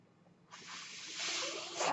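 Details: Quiet pause, then a steady rising airy hiss building over about a second and a half: inspiratory airflow of a mechanical ventilator breath cycle from the podcast speaker's own ventilator.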